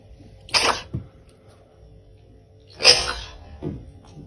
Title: Gosha is Sneezing : Big Floppa #caracal